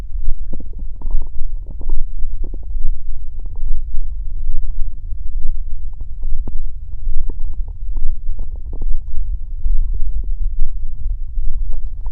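Continuous low rumbling with gurgling pops, loud and close-up. Ordinary stomach growling from gas and fluid moving through the gut.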